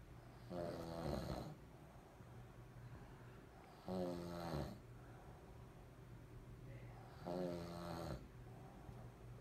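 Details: Sleeping father snoring: three loud, rattling snores on the in-breath, about 18 breaths a minute, with quiet out-breaths between; ordinary snoring.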